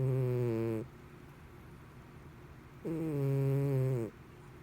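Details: Cat snoring while asleep, described as human-like and loud at times: a loud, deep snore on the in-breath with quiet pauses between breaths.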